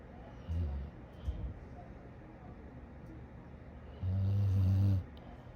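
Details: Dog snoring while asleep: low, deep rumbling snores, one short and one longer, over quiet room noise.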